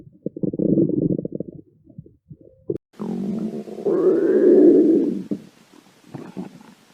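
Loud rattling gurgle, a pause with small pops, then a long rising, squeaky growl; ordinary stomach growling.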